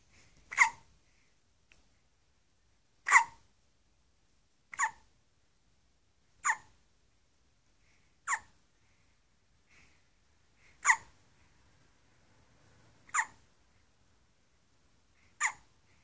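Eight sharp, brief hiccup sounds in a quiet room, roughly every two seconds; repeated hiccups.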